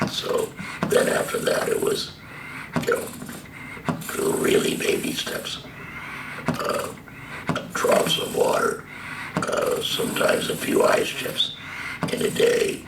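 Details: Adult man, stage III-IV squamous cell carcinoma of the larynx (false vocal cords) diagnosed March 2015, treated by total laryngectomy with tracheoesophageal puncture voice valve, speaking through a stoma with HME filter; tracheoesophageal speech after total laryngectomy.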